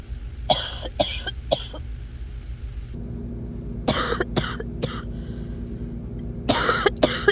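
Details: Coughing while ill: three clusters of sharp, fairly dry coughs, about ten in total, over a steady background hum; cough.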